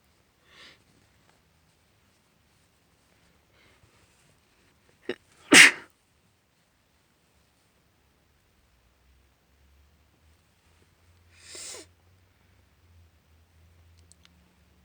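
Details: Sneezing in a female: a sharp intake, then a loud explosive sneeze and a second softer one, muffled by a hanky, in a quiet room.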